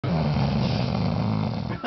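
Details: Man passed out drunk, snoring while others play Rock Band and music around him: a single loud, deep, rumbling snore lasting nearly two seconds; snoring.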